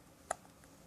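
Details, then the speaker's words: A single short, sharp voiced 'hic' from an 8.5-week-old baby boy against quiet room noise: an infant hiccup. "you got the hiccups you guys have hiccups you guys some hiccups are they making you mad are they making you grumpy"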